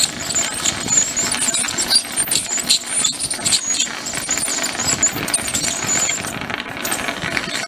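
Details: Ultrasonic tooth scaling on a pug dog at a veterinary clinic: continuous high-pitched hiss and squeal with a spraying sound and a low rumble.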